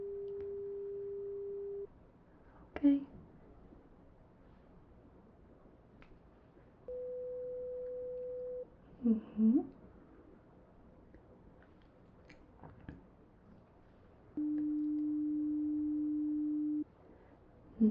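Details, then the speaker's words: Simulated role-play ASMR hearing exam with a frequency test played through headphones. Three steady pure tones at different pitches, each a couple of seconds long, with soft responses between them; pure-tone hearing test beeps. "So, we're going to now begin your frequency test. I'm just going to grab the beeper as well as my notes."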